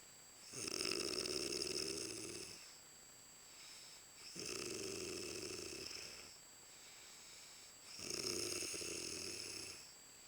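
Three long, loud, rasping snores about every 3.5 seconds, roughly 17 a minute, with a steady electrical hum in the room. Ordinary snoring.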